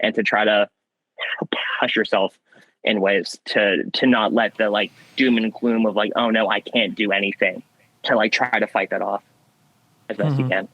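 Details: Young man with stuttering since childhood that varies in severity; he sometimes swaps words mid-sentence to avoid getting stuck.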